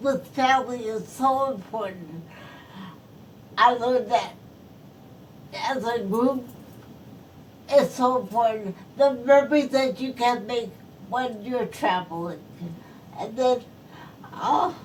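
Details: Post-stroke speech impairment in a woman who is a stroke survivor.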